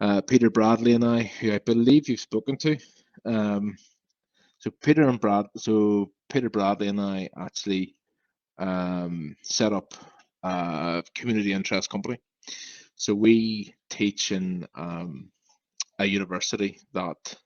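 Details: Adult male with a lifelong stammer that began at about age five; stuttering.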